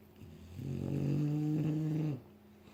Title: Snore filled nap